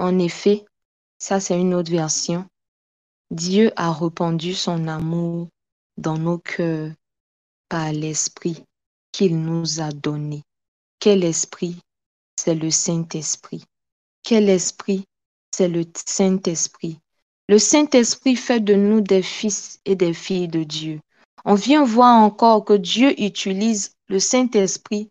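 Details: Adult woman speaking; normal speech.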